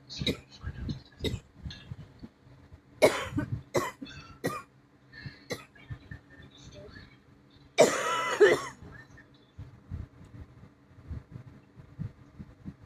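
Repeated harsh, dry-sounding coughs and throat clearing in short bursts, with one longer rough cough; a persistent cough.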